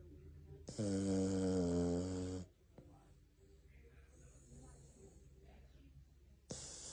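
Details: Jack Russell terrier asleep after falling asleep while watching television, possibly very tired: loud, drawn-out droning snores of about two seconds with quiet breathing between; dog snoring.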